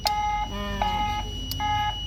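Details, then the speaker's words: Steady electronic tones rising in pitch from a biphasic defibrillator charging, set to a low practice energy of five for a training session, before announcing DC shock ready. "kayak gini namanya charge ya Nah kalau sudah charge kita bilang DC shock siap gitu ya"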